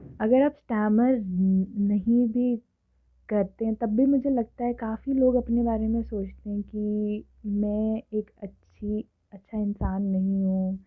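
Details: Adult woman who has stammered since early childhood, speaking Hindi and English; stuttering.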